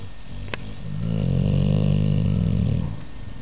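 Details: Amstaff snoring: one long, low, rumbling snore that swells and fades over about two seconds.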